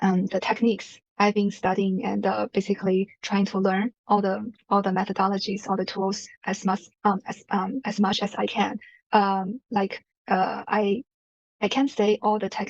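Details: Adult who has stuttered since elementary school, usually having difficulty on the first syllable or first word of a sentence and on certain sounds; stuttering.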